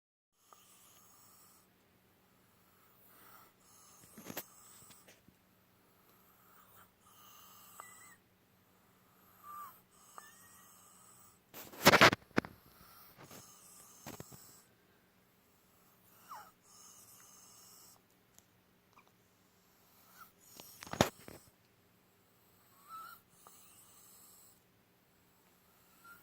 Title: Chicken Lost Voice, Wheezing, Gasping for Breath.